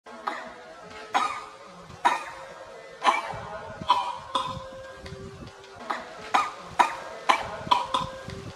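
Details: A young monkey coughing hard: a series of about ten sharp, forceful coughs at irregular intervals over several seconds, with faint tonal background sound. Repeated harsh coughing.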